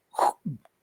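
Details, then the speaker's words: Vocal imitation of a heart murmur from an insufficient (leaking) valve as the ventricle contracts, from a Spanish-language explanation: a breathy whoosh followed by a lower, softer thud. "si un paciente tiene por ejemplo una válvula insuficiente cuando se contrae el ventrículo Entonces se va a ir"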